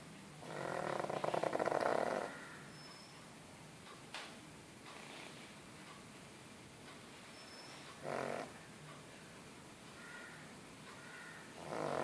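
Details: Sleeping pug snoring: quiet breathing broken by a few rough, rattling snores with long pauses between; snoring in a flat-faced dog.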